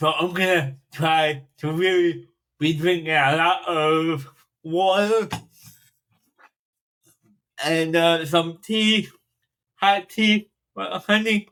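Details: Dysarthria in a 42-year-old man with cerebral palsy since birth, which he says affects his speech; he makes an effort to enunciate and speak louder when recording.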